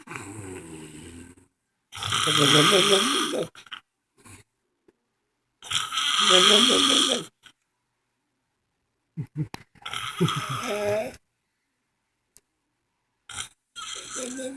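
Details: Adult woman snoring during sleep: loud, rattling snores on each breath in, about 15 a minute, with silent pauses between them.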